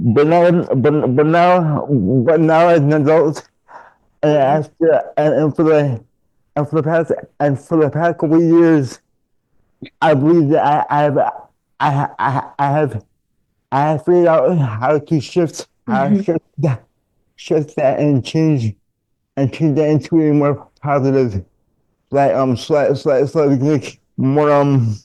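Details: Adult man diagnosed with dystonia, a neurological disorder affecting mobility, as a child, with multiple childhood surgeries; dysfluent speech with word and phrase repetitions.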